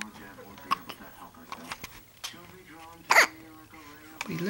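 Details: Infant boy with morning hiccups: cooing with abrupt hiccups, including one loud catch, and a faint adult voice in the background.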